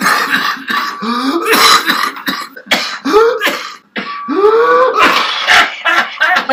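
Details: Child with whooping cough (pertussis, batuk kokol): rapid coughing spells, each followed by a high, rising whoop as air is dragged back in.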